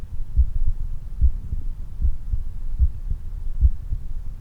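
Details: Heart sounds after exercise: strong, regular low heartbeats at about 73 per minute with a steady background hum.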